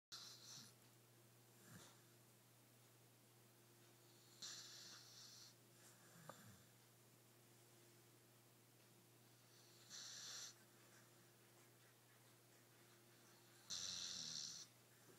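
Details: Snoring from a sleeping pit bull dog: soft, airy, hissing snores recurring every few seconds over a steady room hum.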